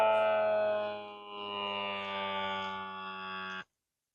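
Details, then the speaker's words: Bluestone automatic wrist blood pressure monitor, cuff worn on the wrist held at heart level while breathing normally: steady electric pump hum of cuff inflating, dipping briefly, then stopping abruptly on reaching systolic pressure. "Okay, right there, it quit making pressure, so it got that high number."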